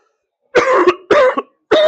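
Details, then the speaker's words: Adult coughing fit after taking a dab (vaping concentrate): three harsh, forceful coughs in quick succession. "The dab is going to hit very well. It's going to make me cough a lot."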